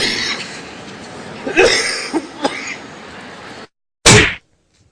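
One short, sharp cough bursts out after a brief pause, following a stretch of steady background noise.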